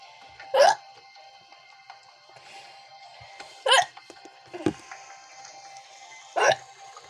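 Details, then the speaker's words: A child's repeated hiccups: sharp, brief vocal jolts recurring about every three seconds, roughly 20 a minute, over soft background music. "yeah i was about to play the laundry somewhere later but then i got hiccups so oops that's the tripod thing don't mind"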